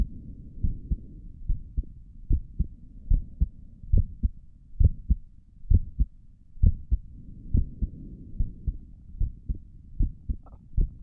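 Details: Adult's own resting heartbeat recorded through a stethoscope on the chest: steady low double thumps at about 67 beats a minute; normal heartbeat.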